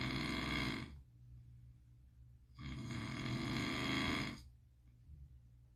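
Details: Sleeping pit bull snoring while dreaming: two long, loud, rhythmic rattling snores separated by quieter breathing.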